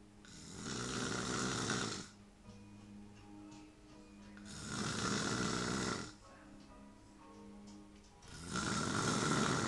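Loud, rough, rattling snores on each breath, about 15 a minute, with soft music playing in the background.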